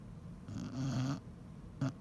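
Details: Basset hound snoring in sleep: low, rumbling snores, one longer snore and a brief second one.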